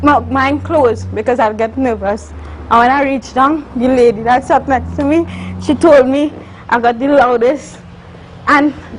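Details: Adult woman, university student, with congenital cerebral palsy involving spasticity and athetosis; dysarthric speech in cerebral palsy.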